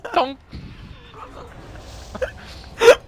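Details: Person playing World of Warcraft with friends gets hiccups: two sharp, voiced hiccups about 2.7 seconds apart, with quiet mumbling and breathy sounds between them.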